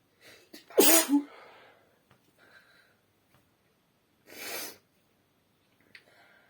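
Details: A sharp explosive sneeze after a short intake breath, then a softer blowing burst into the hand a few seconds later, in a quiet room, from a female saying she feels itchy: sneezing.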